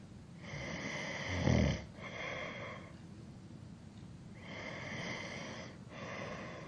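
Slow, rough, rumbling snores on the in-breath with quieter out-breaths, about two cycles in under seven seconds; ordinary sleep snoring.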